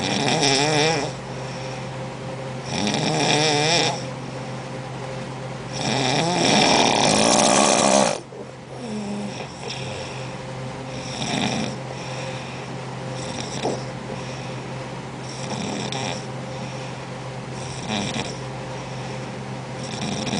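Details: Adult woman snoring: loud, rhythmic snores with rough, fluttering in-breaths repeating every few seconds over steady room hum.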